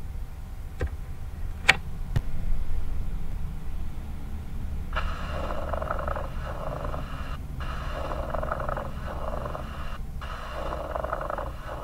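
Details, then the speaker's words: Teaching recording of lung sounds taken from a textbook: coarse grating, creaking sounds like leather rubbing on leather, repeating with each breath, from thickened or fibrosed pleura that cannot slide; pleural friction rub. "ode ouvir esse atrito pleural ele tá então lembra que é uma incapacidade da pela deslizar vidros antigos falavam que é lembram roçar do couro contra o couro"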